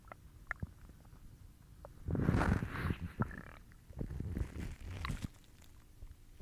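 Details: Stomach growling (borborygmi) recorded for about 1 minute 11 seconds: irregular low gurgling and rumbling bursts against faint background noise.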